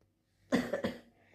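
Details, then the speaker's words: Adult coughing with a cold (cough and cold after eating chips the day before, up all night); speaker says she's coughing, drinking jaggery tea. "ठीक खासी हो रही है खासी हो रही है ठीक है"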